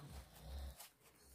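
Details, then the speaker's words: Husband snoring very loudly in the background of a recording; snoring. "Je suis désolée, vous allez entendre mon mari qui ronfle parce qu'il ronfle hyper fort."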